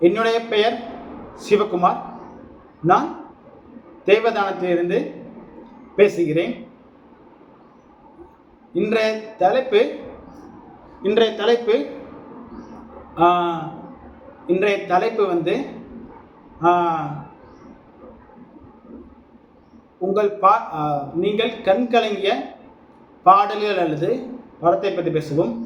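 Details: Adult Tamil-speaking man who identifies as a person who stammers, recorded as speaking practice for a stammering support group; stuttering.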